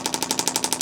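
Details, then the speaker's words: Radial shockwave therapy on the lateral leg of an adult with a running injury, pressure turned up to about 4–5/10 pain after a toe twitch response: rapid rhythmic hammering pulses, about ten a second. "So, I can tell this is a nice spot to go ahead and turn the pressure up on."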